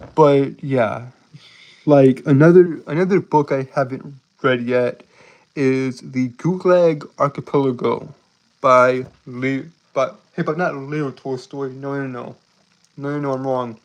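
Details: Man who reports a speech impediment causing him to stutter and trip over his words; stuttering.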